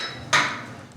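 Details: Single sharp, loud crack from the upper back during a chiropractic adjustment, with the patient face down and arms drawn. The patient has L5 listhesis and degenerative disc disease. Typical joint cavitation (spinal manipulation crack).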